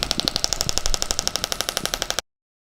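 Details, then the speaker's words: Acoustic shockwave therapy on the outside of the knee, aimed at regenerating cartilage, in a roughly 5-minute treatment: rapid, sharp pneumatic clicks about twelve a second as compressed air drives a steel rod against the applicator head. "here so when we apply this therapy there's a steel rod on the inside of the device the compressed air shoots that rod forward and it hits the back of the applicator head at that point there's nothing going into the skin but it creates a sound wave"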